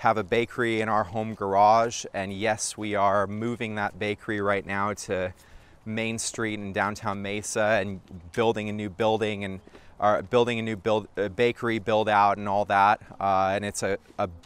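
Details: Adult man; normal speech.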